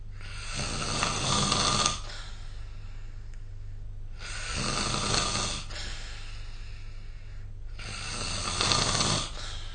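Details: Three harsh, rasping snores at a steady pace, about one every 3.5 seconds, over a low steady hum; snoring recorded with a snore-tracking app.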